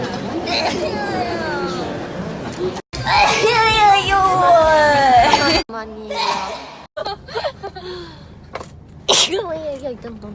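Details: Sneeze compilation of one person: short, sharp sneezes among chatter, laughter and background music.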